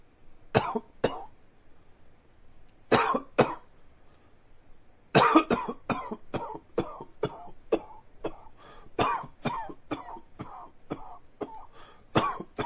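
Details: Persistent coughing fit: two brief pairs of dry, sharp coughs, then a long run of about fifteen rapid coughs.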